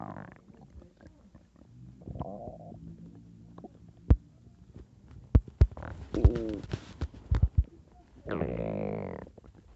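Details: Person with upset, painful stomach after drinking a lot the night before and mixing foods: low drawn-out groans, bubbling pops and squeaky gurgles from the belly; borborygmi.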